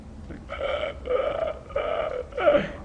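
Four strained, voiced gasping sounds in quick succession, an adult imitating the air-hungry gasping of a child during a night terror.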